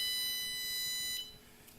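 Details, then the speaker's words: OxiMax N-85 capnograph/pulse oximeter self-test tone on restart, being connected to an intubated, awake woman's endotracheal tube; steady high beep about a second then fading, a normal device sound. "well i turn it back on again it'll run through the self test again"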